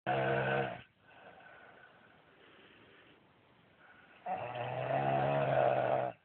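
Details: A husband snoring badly: loud, rough, rattling snores on breathing in, with quieter breathing between them; snoring.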